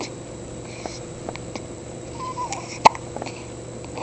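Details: Newborn baby, 2 days old, with hiccups: a single sharp hiccup against steady room hum, with a few fainter clicks around it.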